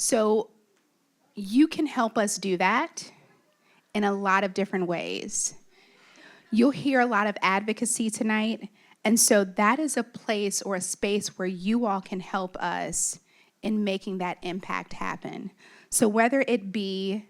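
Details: Adult woman; typical speech.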